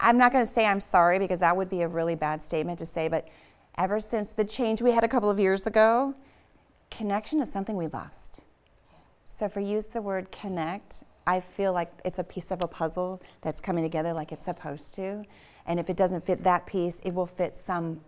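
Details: Adult woman speaking; normal speech.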